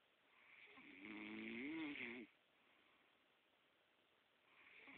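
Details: Adult man asleep, a single loud, rough snore over a second long on the in-breath, then quiet breathing as the next breath begins; snoring.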